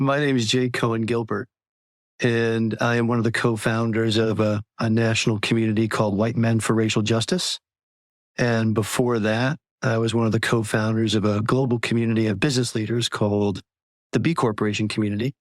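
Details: Adult male speaker; Normal speech.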